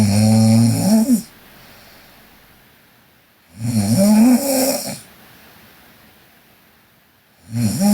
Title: Sleeping Korean Girl Snoring (PNGK) Part 3